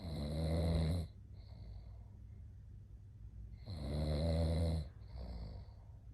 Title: Listen to him snore || Why does the person who snores always fall asleep first? 😂 #snoring #shorts